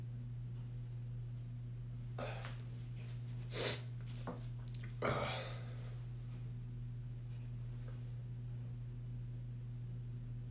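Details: Two bursts of sneezing with sharp expulsive noise over steady room hum, then the person needing to blow their nose; sneezing.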